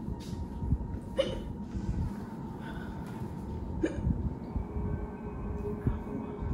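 Several short, sharp hiccup sounds over steady background hum and room noise. Ordinary hiccups.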